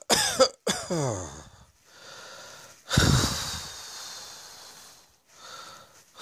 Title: Cross Dressing Coughing 56